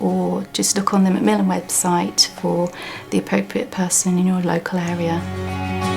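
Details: Adult woman; typical voice.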